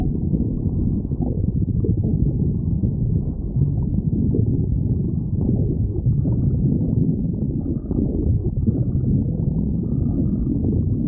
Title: Marine the raccoon stomach growling